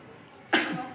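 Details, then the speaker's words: A single sharp, forceful deliberate cough from an adult woman patient after a breath, during a nursing student's effective-coughing (batuk efektif) practice; she felt more comfortable afterward. "nanti Ibu Silakan cari nafas dan keluarkan lewat batu ya Bu"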